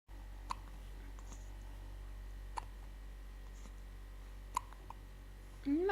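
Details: 13-day-old infant: three sharp, brief hiccup clicks about two seconds apart over steady room hum, ending with a short vocal sound; infant hiccups.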